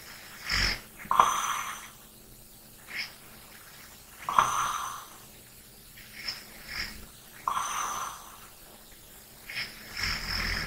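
Repeated snoring breaths with a rough, fluttering inhale and softer exhale, about 19 a minute, over faint room hum.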